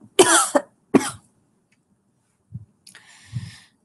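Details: Two rough coughs, then a soft throat sound and a breathy exhale; cough from a livestreamer who thinks she has the flu.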